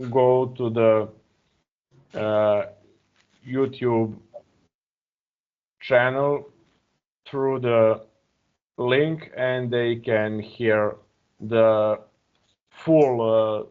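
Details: Real stuttering in an adult man speaking English as a second language; he uses a speech technique of focusing on a word's first or second vowel.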